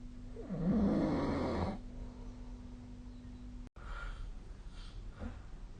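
One loud, rough snore on a breath, then quieter breathing against a steady low hum; snoring during sleep.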